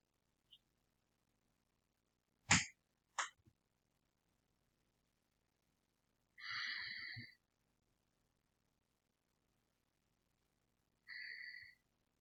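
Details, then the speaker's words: Two sharp contact knocks, then two slow, airy deep breaths several seconds apart heard during chest auscultation in a head-to-toe assessment; breath sounds clear bilaterally. "okay breath sounds are clear bilaterally"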